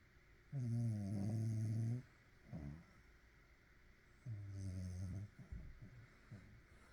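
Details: Sleeper snoring: loud, low, rattling snores on the in-breath, each about 1.5 seconds long, with softer snuffles between them.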